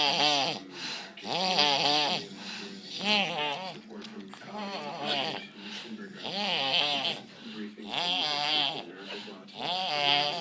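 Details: Several sleepers snoring together, described as drunk: loud, overlapping, rough buzzing snores about 38 a minute, rising and falling irregularly.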